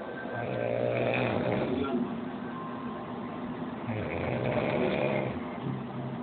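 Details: Loud snoring during sleep, loud enough that they can't sleep in the same room: rough, rattling breaths in long slow cycles.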